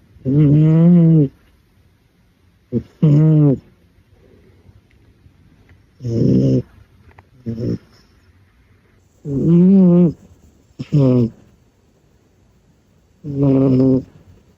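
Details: Sleeping cat snoring: loud, buzzing, voiced snores in short bursts several seconds apart, some with a faint squeak.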